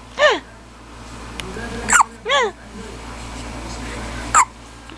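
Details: Hiccups in a 10-day-old infant: several short, abrupt squeaky catches at irregular intervals over a steady background hum.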